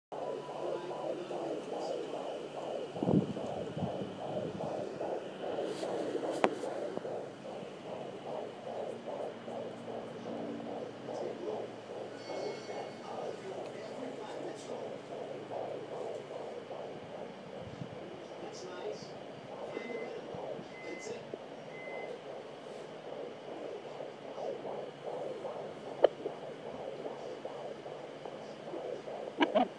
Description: Our baby at 20 weeks 4 days , heartbeat & if you listen closely the weird noises like "scratch" or "bubbly" is her kicking the prone .